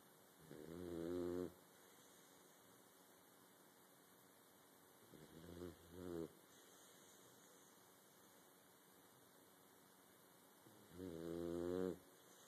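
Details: Three drawn-out, vibrating snores spaced several seconds apart over quiet room hiss, with a slow sleeping breathing rhythm: snoring.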